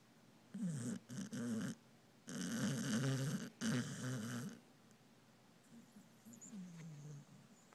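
Irregular bursts of rattling, grunting snoring from a sleeping dog, with short pauses between groups of breaths. Snoring.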